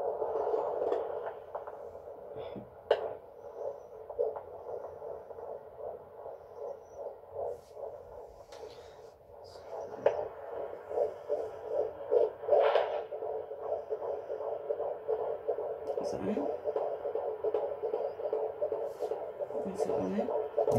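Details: A baby's heartbeat heard for the first time on a handheld Doppler: rapid, rhythmic whooshing pulses at roughly 150 beats a minute, a fetal heartbeat.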